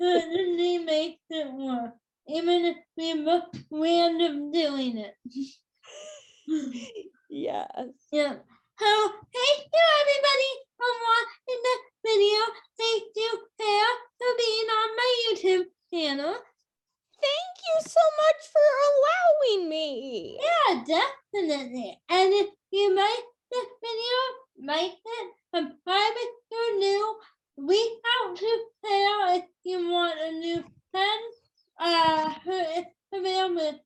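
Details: Female speaker with cerebral palsy since birth that has become tighter with age; she says listeners may need her to repeat or type; dysarthria (cerebral palsy).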